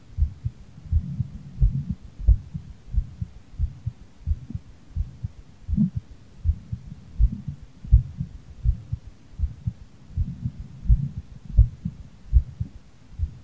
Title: heartbeat after playing bowling on Nintendo switch sports